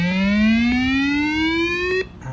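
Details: A steadily rising electronic whine of about two seconds, the charging tone of an AED trainer (model XFT) preparing to deliver a simulated shock.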